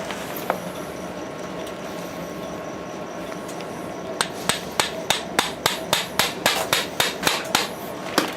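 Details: About fifteen sharp metallic taps over room hum as a mallet drives a suture anchor into the tibia for meniscotibial repair, multi-ligament knee reconstruction in a 29-year-old woman with tibial-side MCL disruption after a road traffic accident.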